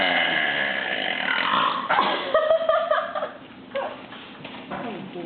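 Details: Burping: a long, rumbling burp followed by shorter belches, with a little voice in between.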